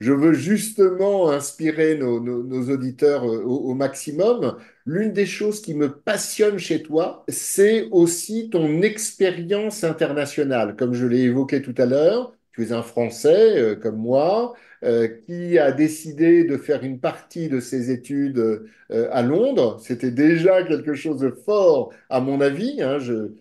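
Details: Adult male speaker; typical speech.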